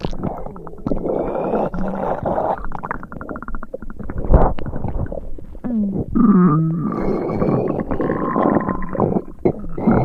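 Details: Stomach rumbling sound effect, stereo: low gurgling, bubbling rumbles with squelching tones.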